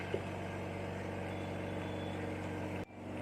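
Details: Oxygen concentrator (0–5 L/min, with humidifier) running during flow adjustment, then switched off: steady motor hum with a constant tone, cutting off abruptly near the end.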